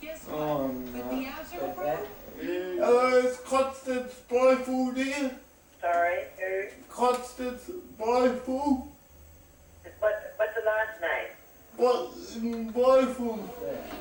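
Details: Dysarthria in a 32-year-old man with cerebral palsy since birth who depends on 24-hour care; a caregiver says it worsens when he is tired.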